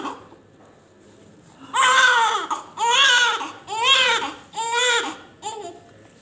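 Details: Five rhythmic, loud cries with short breaths between them from a newborn of healthy weight born by normal delivery; a strong, healthy newborn cry.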